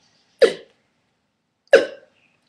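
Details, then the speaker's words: Vocal tic, a new one, in a person whose tics are getting worse and more frequent, described as sucking in air, holding it, then suddenly releasing it: two abrupt, sharp throat sounds about 1.3 seconds apart. "as you can tell throughout this video already I have a new vocal tick and that one seems to um it seems like it wants to stay around for a little"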